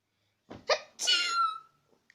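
A short intake of breath, then a single sneeze with a drawn-out, high-pitched voiced ending.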